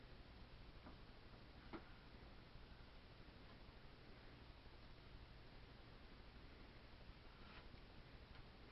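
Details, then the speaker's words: Abdominal auscultation of an adult male in a nursing physical-assessment demonstration, all four quadrants: bowel sounds active in all four quadrants, neither hyperactive nor hypoactive, normal bowel sounds. "and his um bowel sounds were active times four um they weren't hyperactive they weren't um hypoactive"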